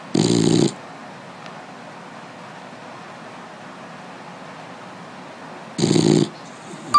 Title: Baxter snoring